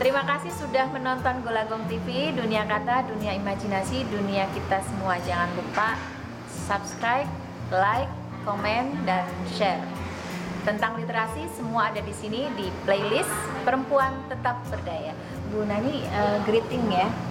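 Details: Adult woman speaking Indonesian over background music; normal speech.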